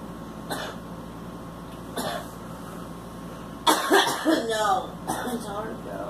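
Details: A child (girl) gives about four coughs, two soft and two louder voiced ones, over a low steady hum; cough.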